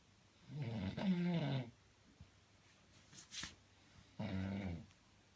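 Low, throaty snores with a brief gap and a faint snuffle between them; ordinary snoring in a sleeping dog in a quiet room.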